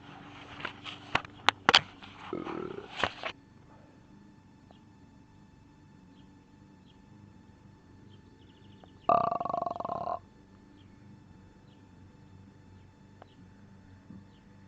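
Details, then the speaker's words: Man with repeated morning burping: several short throaty bursts, then a longer voiced belch after a quiet stretch, with faint room noise. "a Burpy morning what can I do about it except burp"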